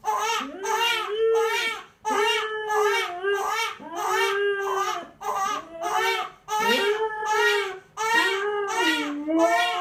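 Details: A baby cries in repeated loud wails, each a second or two long, with brief breaths between.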